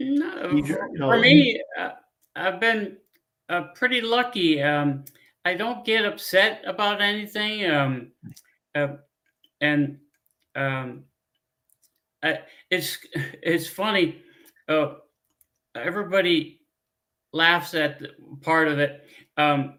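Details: Adult man with aphasia after a stroke 15 years earlier; he cannot read or write.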